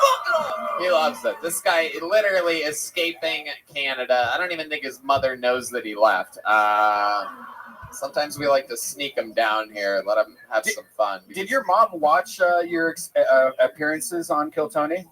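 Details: Adult male; Normal fluent speech.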